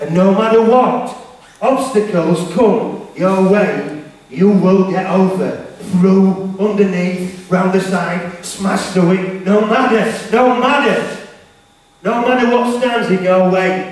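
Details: Male motivational speaker with a self-described stammer/stutter, speaking live to teenagers; stuttering.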